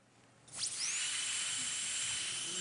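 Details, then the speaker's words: Dental drill: high-pitched whine that rises quickly and then holds steady, the familiar cavity-filling sound introduced before a pediatric laser filling procedure. "how many of you out there have had a cavity filled i know many of you hate this sound"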